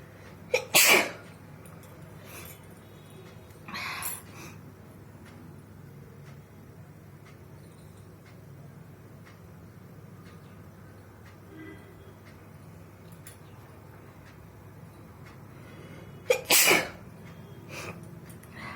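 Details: Two loud sneezes about fifteen seconds apart, with a smaller nasal burst between them, over quiet room noise; self-induced sneezes by tickling the nose with paper, eyes watering.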